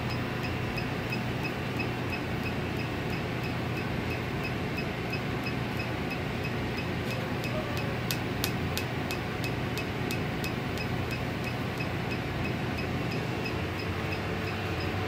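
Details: Steady machine hum with rapid, regular sharp ticks as a Quanta holmium laser fires against a hard dummy stone; holmium laser lithotripsy firing.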